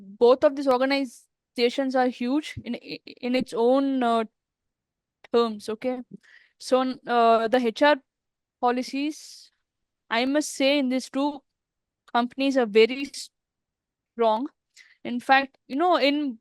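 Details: Adult woman who stammers, interviewed in a podcast series for women who stammer. Finding: stuttering.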